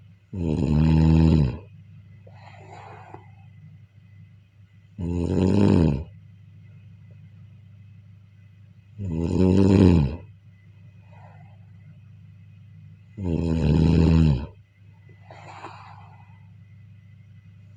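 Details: Snoring during sleep: loud, buzzing snores on each breath in, about 14 a minute, with softer breathing out between.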